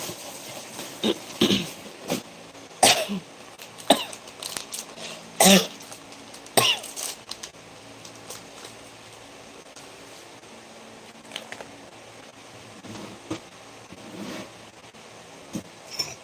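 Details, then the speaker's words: Adult with a dry cough, unable to sleep, sitting up drinking hot water at night: a run of short, sharp dry coughs in a quiet room, then softer throat noises. "Oh, I have a cough. So my voice is not. So I'm sitting here. I drink hot water."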